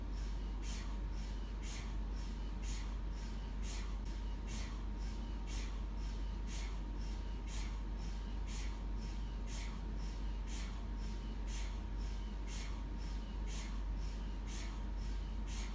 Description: MRI sound loop for relaxation and ASRM